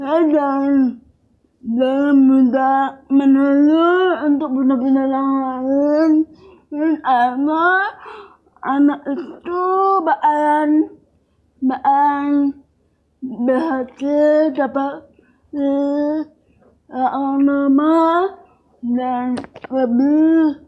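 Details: Dysarthria in a young woman with cerebral palsy, with speech difficulty since childhood.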